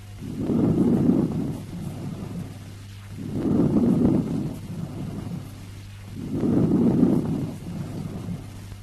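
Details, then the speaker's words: Vesicular breath sounds over normal lung tissue by stethoscope diaphragm: inspiration louder, higher-pitched and 3–5 times longer than expiration, no pause between them, rustling quality. "In the vesicular breath sounds heard over normal lung tissue, the inspiration is louder and higher pitched than expiration. Inspiration is 3 to 5 times longer than the expiration because audible component of the expiration is very short."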